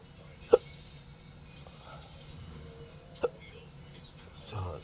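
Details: Person with hiccups and burping, described as a disabling rare medical condition, recorded Wednesday night: two short, sharp hiccups about three seconds apart against quiet room noise.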